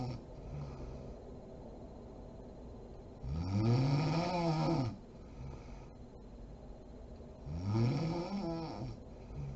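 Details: A sleeping mother snoring: two deep, rattling snores on inhalation with quiet room noise between them; ordinary snoring.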